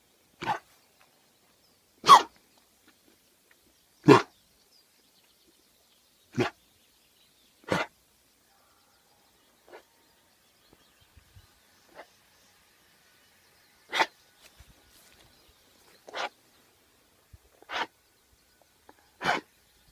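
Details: About nine short, sharp, single expulsive bursts from a dog, a few seconds apart; the owner questions whether it is coughing.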